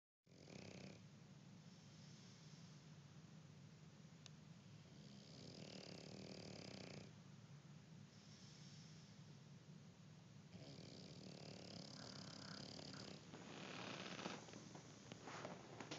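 Rough, rattling snoring breaths in slow cycles over steady room noise: ordinary snoring.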